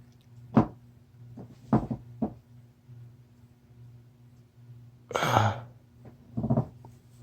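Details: Someone with a cold all week, sneezing fit induced with Chhinkni snuff; very wet sneezes: several short, sharp bursts of air, one longer hissing burst, in a quiet room.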